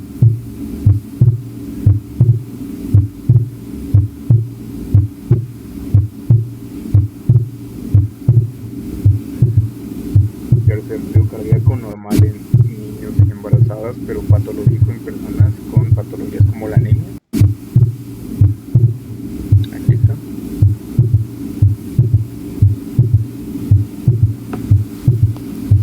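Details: Teaching recording from a cardiovascular examination class: steady heartbeat near 60 a minute with an added noise between beats, a systolic murmur; aortic valve area discussed as the listening site.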